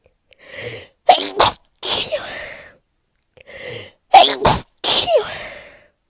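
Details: Sneezing with a cold/flu: two rounds of sneezes, quick in-breath then forceful bursts, about four in all; person has high temperature, sore throat, losing voice, coughing, congestion, stuffiness, dizziness, loss of taste.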